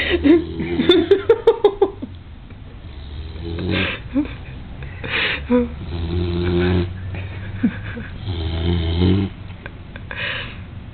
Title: Back Snoring